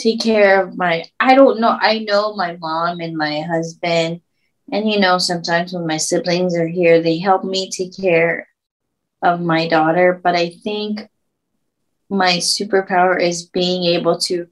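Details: Woman who had a stroke at age 24, about 10 years earlier, reporting auditory processing, word-finding, word production and reading difficulties; aphasia.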